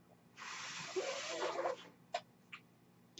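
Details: The speaker's own mechanical ventilator, noise heard as he speaks.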